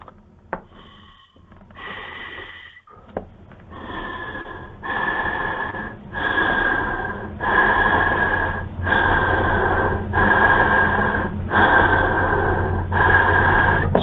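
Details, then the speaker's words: Adult demonstrating a Feellife AirICU Max+ portable mesh nebulizer with a flow sensor connected (breath-actuated mode): slow, loud, exaggerated rasping breaths in and out, with the device activating on each breath. "So I'm going to uh inhale and exhale for a couple and you'll see the the activity of the device."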